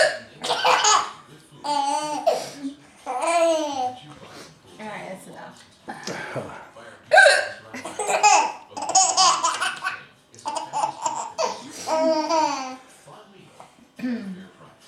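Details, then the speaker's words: Mother with hiccups while a young child laughs at her: bursts of giggling and laughter broken by sudden short catches of breath; hiccups. "Eric's loving mommy with the hiccups. I'm shaking the camera. I have tears on my face."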